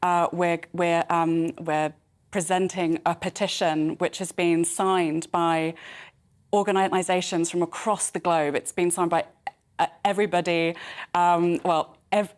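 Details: Stammering in an adult woman who says she stammers, speaking live on a breakfast TV show.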